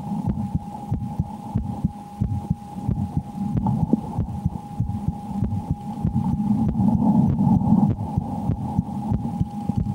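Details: Own heartbeat heard through a stethoscope around playing the horror game Slender: The 8 Pages, said to change with fear. Fast, muffled thumps under a steady hum, hard to count; normal heart sounds.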